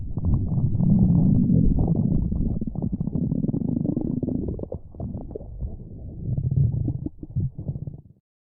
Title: Stomach Growling V1